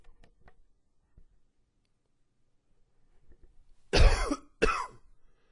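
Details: Two loud harsh cough bursts after soft breathing and small throat sounds; an allergy-related coughing fit, described as wheezy with some gagging, as allergies flared in cooler fall weather.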